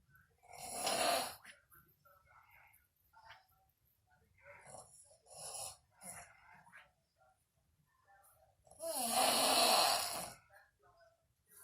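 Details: Sleeping person, apparently a grandmother: two loud, rattling snores on the in-breath, several seconds apart, with quieter breathing noises between them; ordinary loud snoring.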